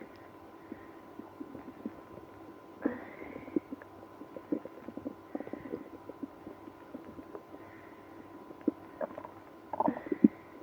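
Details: Active bowel sounds, stomach growling after drinking milk and prune juice with irritable bowel syndrome (IBS): scattered gurgles with a few longer groaning rumbles from the belly.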